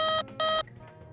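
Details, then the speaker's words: Low-priority alarm on a Vapotherm Precision Flow high-flow respiratory device: infrequent intermittent tones, two loud ringing electronic tones then quiet, recurring after 20 seconds until addressed. "a low priority alarm however needs to be addressed as soon as reasonably possible and is indicated by infrequent intermittent tones that will sound like this"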